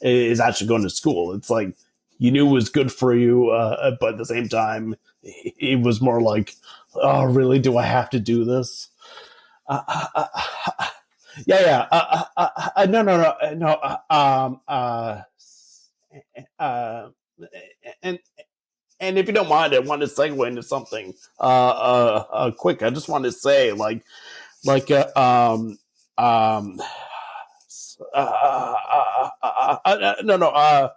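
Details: Adult man who has stuttered since about age 5 or 6 and had speech therapy from age 5 to 18, heard in conversation; stuttering.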